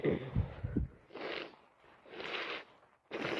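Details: A short run of snorting, sneezy bursts with hissing air between them; a bout of repeated sneezing that the person can't stop.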